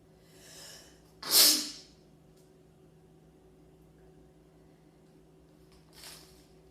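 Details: Sneezing while sitting: a soft inward breath, then one sharp explosive sneeze and a faint sniff afterward in a quiet room.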